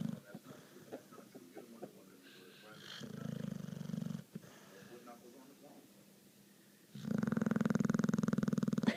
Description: My dog Brutus snoring